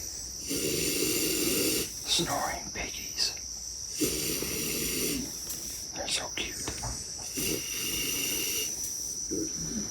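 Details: Sleeping pigs waiting to be unloaded; long, rough, noisy snores repeating about every four seconds over a steady high background hiss; snoring.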